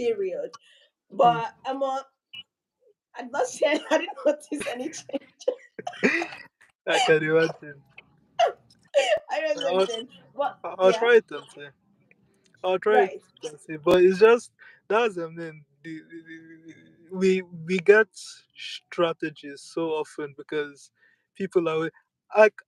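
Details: Speaker who self-reports a real stammer and accepts it rather than using avoidance strategies; stuttering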